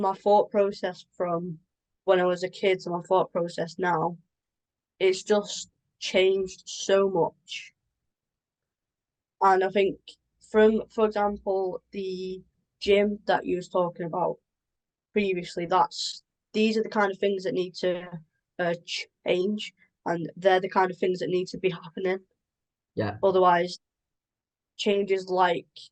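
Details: Adult woman with a stammer that involves blocks and anticipation before speaking: stammering.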